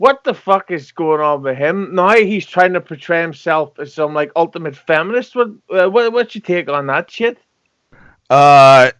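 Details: Adult man; typical speech.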